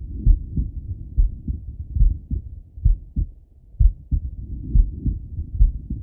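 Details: Male heartbeat by stethoscope while lying on his left side; steady low thumping at about 64 beats a minute.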